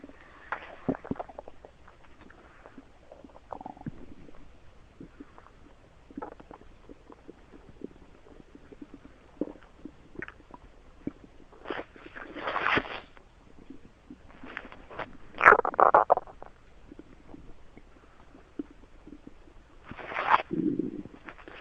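Irregular gurgles, squeaks and low rumbling bursts over quiet room noise; normal bowel sounds (borborygmi).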